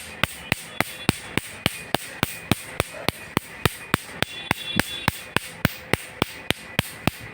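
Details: Sharp, evenly spaced snapping clicks at about 105 a minute over faint room noise: a laser firing repeated pulses removing a small tattoo, done in two laser steps.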